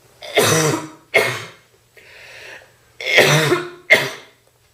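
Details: Girl with a bad cold in a real coughing fit: four harsh, forceful, heavy, deep coughs with a breath drawn in between; wet cough.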